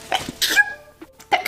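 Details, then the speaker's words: A girl's sudden explosive sneeze followed by quieter breathy noises and a short vocal sound; she blames a cart for making her sneeze. "just made me sneeze okay I swear it was the cart that made me sneeze"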